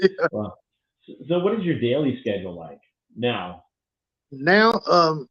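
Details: Adult male interviewer; Normal speech.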